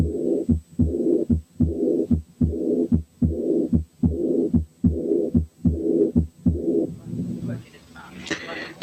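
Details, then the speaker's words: Teaching recording of aortic regurgitation: regular heartbeat about 74 a minute with a soft blowing early diastolic murmur after the second sound. "وبعدين نسمع حالة aortic regurgitation فيها early diastolic murmur."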